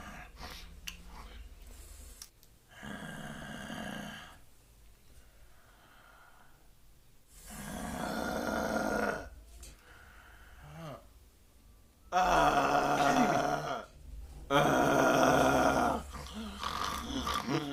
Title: How to fix snoring